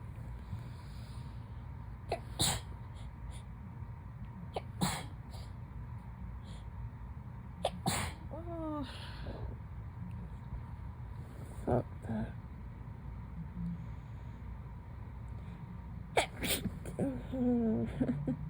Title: Woken up from a nap to super sleepy sneezes